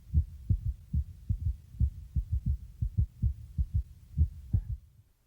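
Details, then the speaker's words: Stethoscope diaphragm about two inches below the left nipple, toward the chest centre, in a vital-signs training: regular lub-dub heart sounds about 90 a minute, checked for rhythm; normal apical heart sounds. "each lub dub sound is one beat listen for the rhythm of the beat is it regular or is it irregular"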